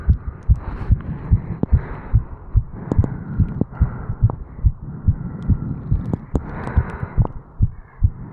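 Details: 35-year-old man, heartbeat recorded over the mitral valve area after jogging up stairs, with some rubbing and running noise: rapid, strong heartbeats at roughly 140 a minute; fast heartbeat after exercise.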